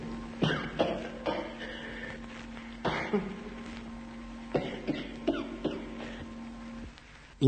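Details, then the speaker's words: Tracheal cough of simple tracheal catarrh, with scratching and stinging behind the sternum: about eight short, clear, dry coughs in small clusters over a steady hum, clearer and briefer than a bronchitic cough. "La tosse con sede più alta nel semplice catarro tracheale suona diversamente, col suo grattare e pungere dietro lo sterno. Essa è principalmente più chiara e i singoli colpi di tosse sono più brevi."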